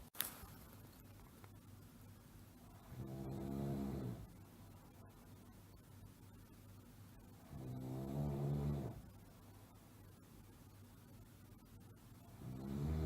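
Low, vibrating snores about every four to five seconds, roughly 13 breaths a minute, with quiet out-breaths between, typical snoring.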